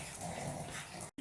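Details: Sick pet dog with kennel cough infection, fever, cold and sneezing, on the way to the vet: a rough, scratchy, growl-like attempt at barking with no clear bark; hoarse bark.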